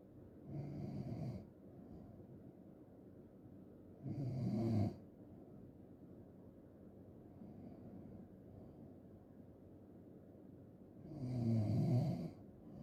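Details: Loud, rattling snores on each breath in, three in about thirteen seconds with quiet breathing between, from a loud snoring ASMR recording; snoring.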